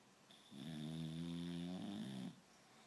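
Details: One drawn-out, low, buzzing tonal snore lasting about two seconds against quiet room noise; snoring.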